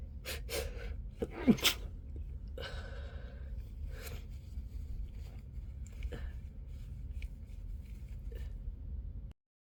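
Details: Sneezes muffled into a pillow while trying to stay quiet: several damped sneezes with sharp inward breaths before them, over a low steady background rumble; muffled sneezing.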